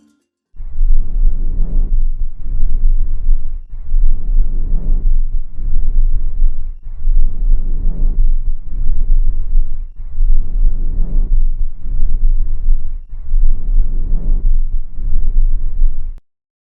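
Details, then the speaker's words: Sound representation of the normal vesicular murmur: soft, low, steady rustling breath sounds, softer than bronchial sound, with inspiration longer than expiration and no pause between them. "agora então vamos colocar os nossos fones de ouvido para a gente escutar a representação sonora do som do murmúrio vesicular"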